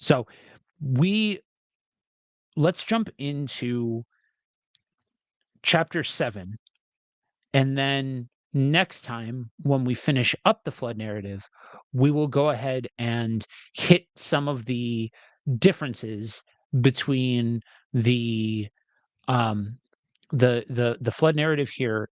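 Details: Adult man with a self-described speech impediment, reading scripture aloud: stuttering.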